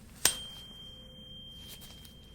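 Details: Simulated ear examination roleplay for a patient with an earache: a sharp strike, then a clear ringing tuning fork tone slowly fading during a Rinne hearing test, starting on the unaffected ear.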